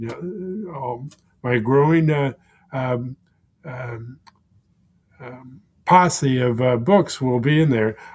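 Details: Man with aphasia for more than 16 years following a stroke; aphasia.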